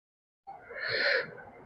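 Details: Gasping during a chiropractic adjustment (spinal/joint manipulation) at a naturopathy and chiropractic clinic.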